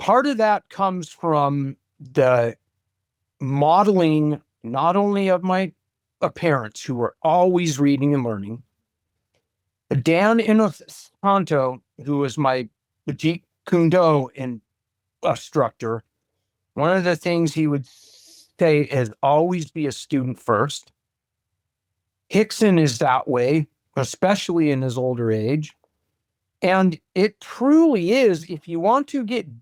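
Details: Lifelong stuttering in an adult man who says he still deals with it today.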